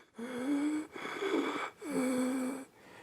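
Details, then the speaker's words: Adult imitating the wheeze of a child's asthma attack, in a childcare emergency demonstration: whistling, musical breaths in and out, wheeze heard mainly on exhalation; simulated wheezing. "Wheezing can be heard. Doing exhalation when they breathe out, you can hear wheezing."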